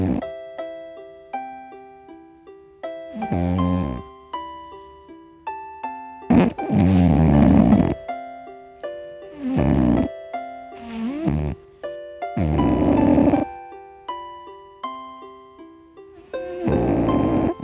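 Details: Sleeping black cat snoring with rough, rattling snores every few seconds over gentle background music.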